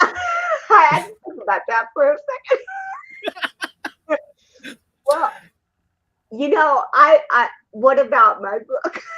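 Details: Adult woman born with cerebral palsy in 1956; dysarthria (cerebral palsy).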